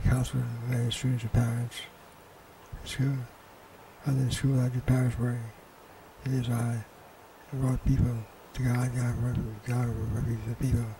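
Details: Man given as an example of hypokinetic dysarthria, a disorder typically due to Parkinson's disease: hypokinetic dysarthria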